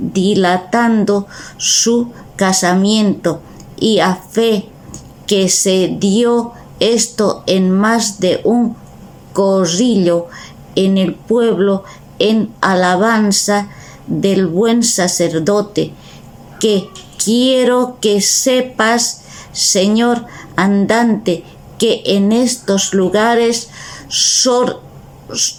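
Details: Aphasia in a member of an aphasia association (Afasia Activa), recorded reading Don Quixote chapter XII aloud in Spanish for a virtual reading event.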